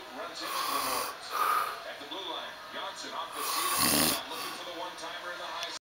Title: Dad Snoring